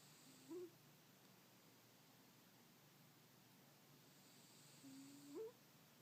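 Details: A sleeping cat snoring: two soft, faintly whistling snores about five seconds apart in a quiet room.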